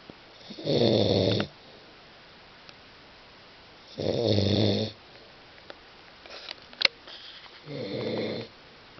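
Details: Snoring recorded July 09: three loud rattling snores on breathing in, about 17 a minute, with quiet pauses between.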